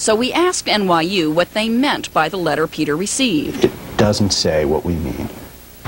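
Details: Adult male news reporter; typical speech.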